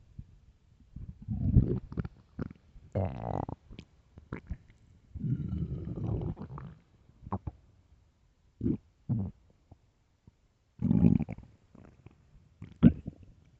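Loud, irregular gurgling rumbles and squeaky bubbling bursts separated by short pauses: stomach growling from an empty stomach, a normal gut sound.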